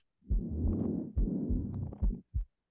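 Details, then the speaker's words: Stethoscope on a VR nursing simulator patient with respiratory difficulty, real patient recordings set with rhonchi, squawk, pleural friction and low-airflow wheezes; low coarse rumbling breath sounds, then a brief higher musical wheeze. "And so I added in ronchi, squawk, pleural friction, low airflow wheezes."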